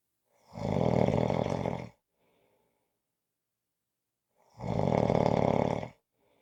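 Loud rattling snores on each breath in, about 4 seconds apart with quiet between them, roughly 15 a minute; snoring.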